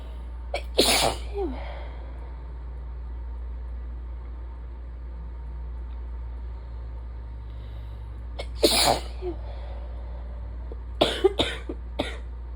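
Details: Allergy attack in a person with asthma who had days of chest symptoms, a stuffy nose and a sore throat, and who suspects pollen allergy: several sharp sneezes with inward gasps, then a quick cluster; sneezing with false starts.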